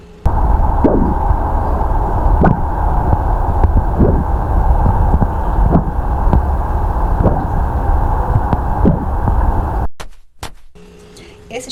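Stethoscope imitation of heart sounds with soft fading blowing strokes after beats, simulating the early diastolic murmur of aortic regurgitation.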